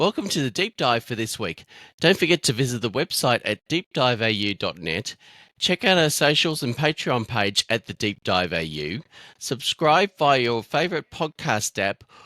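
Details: Adult male speaker; typical speech.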